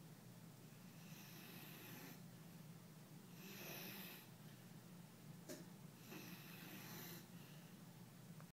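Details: Quiet, breathy, whistling snores about every two to three seconds over room hiss, from a sleeping English Mastiff puppy while a Chihuahua tries to sleep beside him.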